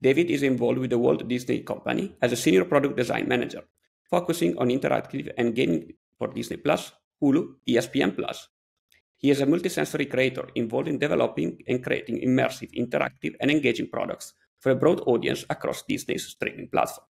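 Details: Adult male speaker; normal speech.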